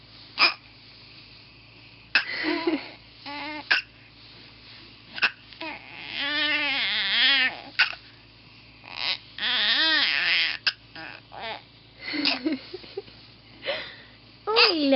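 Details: Baby boy with hiccups: sharp, abrupt catches in the breath at irregular intervals, mixed with infant babbling and fussing; hiccups.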